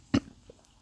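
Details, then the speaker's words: Single short, harsh cough from an adult woman with flu who started coughing and feeling unwell that afternoon, her voice affected, followed by quiet. "à partir de 15h, j'ai commencé à tousser, à me sentir mal et comme vous entendez ma voix, c'est pas ça."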